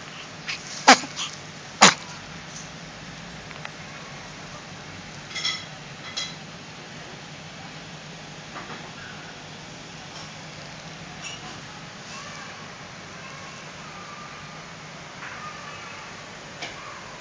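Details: Sneezing on day 10 (species not stated): two sharp sneezes near the start, then a few softer snorts over steady room hiss.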